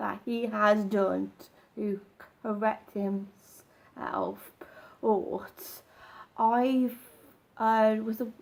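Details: Stammer in an adult man, which he says becomes more apparent when he doesn't practise his techniques and slips into old habits.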